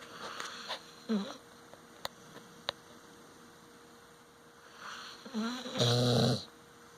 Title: Moxie Dog Snoring.